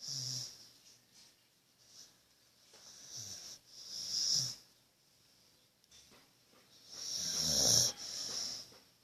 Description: My dog is pretty cute snoring